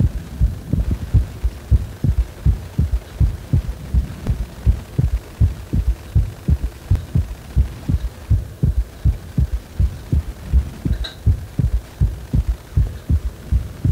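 Regular low heart thumps at about 80 beats a minute with a steady background hum.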